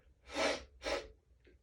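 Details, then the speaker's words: Adult with morning allergies, trigger unknown, having a sneezy day: two forceful, breathy nasal sneezes in quick succession, then a soft sniff. "Not sure what is that What's setting me off this morning, but It's definitely going Excuse me. It's going to be a Sneezy day. Sneezy day."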